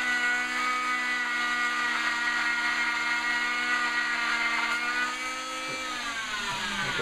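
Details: Steady high-pitched motor whine with a buzzing edge, pitch dipping slightly under load, as an oscillating cast saw cuts through a cast at removal after 30 days.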